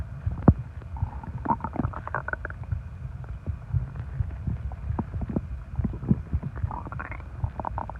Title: Loud stomach growling and groaning after eating alot and drinking soda